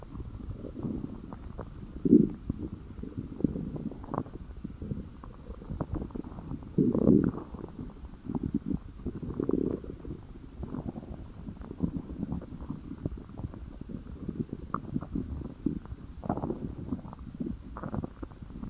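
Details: Hunger-related stomach growling (borborygmi): low rumbling and bubbly gurgles from the abdomen.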